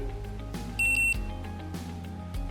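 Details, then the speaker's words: Digital thermometer used orally under the tongue: three short high-pitched beeps over music, a beep at the start and another once the temperature is recorded. "usted debe de escuchar al inicio un pitido y después de haber registrado la temperatura se vuelve a escuchar nuevamente otro pitido"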